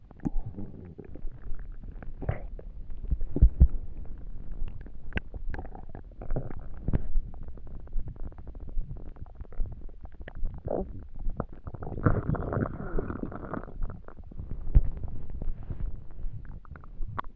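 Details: Stomach rumbling from an empty stomach while trying to sleep: continuous low gurgling and rumbling with bubbly pops and a longer growl; ordinary bowel sounds.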